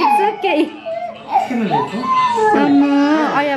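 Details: 9-month-old girl crying loudly with strained rising and falling wails just after her 9-month vaccination at hospital; she calmed and was smiling afterwards.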